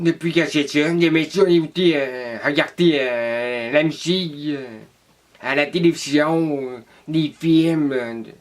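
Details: Deaf young person from Quebec, interviewed in French about living with deafness; relies on lip reading; deaf speech.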